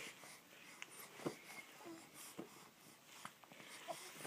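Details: Newborn's hiccups: faint, soft catches in the breathing, about five in four seconds, over quiet room noise.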